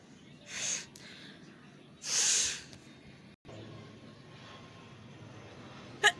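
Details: Sneezing with a cold after getting soaked in rain: two loud hissing sneeze bursts a little over a second apart, in a quiet, noisy room with a sharp click near the end.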